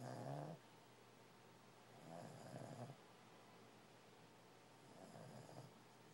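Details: Sleeping dog snoring: rhythmic rattling snores on each in-breath, about three over six seconds; ordinary snoring.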